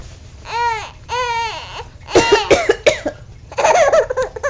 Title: Silly baby laughing at me cough